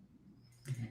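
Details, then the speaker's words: Snoring from a resting pet: a faint low hum, then a brief low rumbling, cooing breath sound, described as rhythmic and soothing. "Can you hear the snoring? >> Little bit. >> Yeah, >> it's rhythmic. It's soothing."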